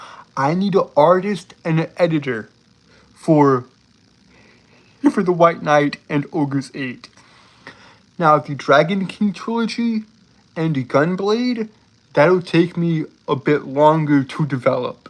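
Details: Adult male with a self-reported speech impediment who struggles for a long time to get out a word; speech impediment (disfluency).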